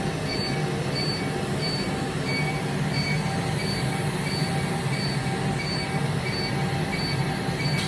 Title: Laser Hair Removal | HRL | Laser Treatment | لیزر ہئیر ٹریٹمنٹ